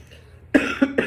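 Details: Three short, dry coughs in quick succession after a quiet pause, from a 17-year-old giving a class speech who thinks they are coming down with a cold, with a dry throat and ongoing coughing.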